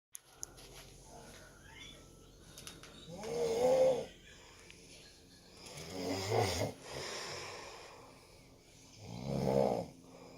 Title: is snoring